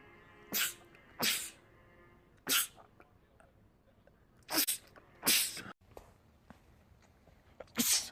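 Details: Male sneezing compilation clip: six or seven explosive, hissing sneezes in quick succession over about eight seconds, a rapid sneezing fit.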